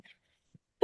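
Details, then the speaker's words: Adult doctor with a sore throat, lecturing on breast cancer awareness: near silence with faint throat sounds, then one sharp, loud cough burst, cut off abruptly; single cough. "think sorry so the sore throat season is on so you'll have to excuse me"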